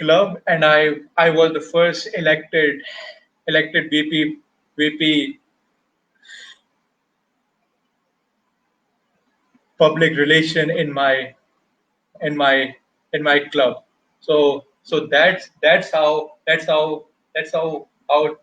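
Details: Stuttering in an adult man who has stammered since age 6, a Toastmasters member, with word and part-phrase repetitions.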